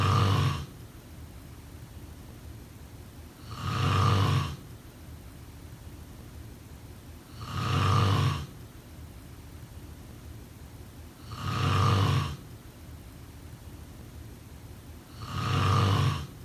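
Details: Sleep snoring sound effect: steady, deep, low-rumbling snores, one every four seconds, about 15 a minute, over constant background hiss; snoring.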